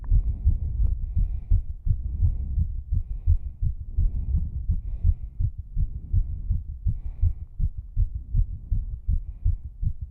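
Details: Fast, strong, slightly uneven heartbeat of a struggling female during exercise, with faint heavy breathing; rapid heartbeat with exertion.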